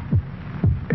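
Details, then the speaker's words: Human heartbeat in a vintage TV commercial, stated as 72 beats in the minute: deep, steady thumping heartbeats with a low hum underneath; normal heartbeat. "this is a sound of a human heart it"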